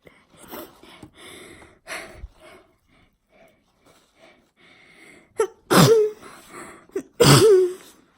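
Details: Deliberately forced sneezes: several build-up breaths followed by two loud, explosive sneezes, each with a voiced burst, in a small room.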